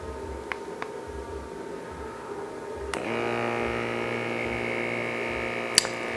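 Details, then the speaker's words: Click, then steady motor hum as a Checkme BP2 automatic upper-arm cuff inflates; user with high blood pressure and occasional AFib, demonstrating without proper measuring posture. "there it goes it's taking my blood pressure it'll do this 300 times on a full charge which I just think is absolutely incredible"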